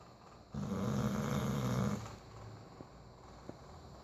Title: Snoring bulldog